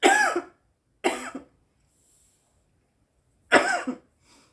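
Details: Woman coughing after smoking cannabis: three harsh, dry cough bursts with short pauses between them; a reflex cough from irritant smoke.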